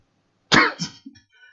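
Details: Adult with a cold, headache and sore throat: a single harsh cough burst with a short, rough trailing sound.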